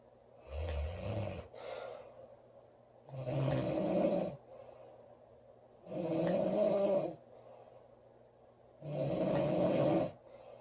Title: Loud girl snoring July 15 2017